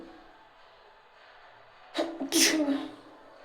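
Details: Single sneeze: a quick indrawn breath followed by one sharp, explosive sneeze.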